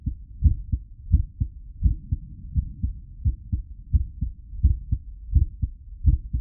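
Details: Real recorded heartbeat pulse at medium rate, steady paired low thumps at about 85 beats a minute, looped as a sound effect: normal heartbeat.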